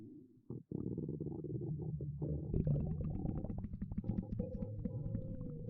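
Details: A girl's stomach growling: long, low gurgling and bubbling rumble with rising squeaky tones, ordinary borborygmi from gas and fluid moving through the gut.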